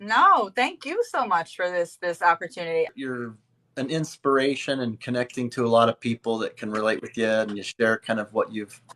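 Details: Adult speaker, likely male; normal speech.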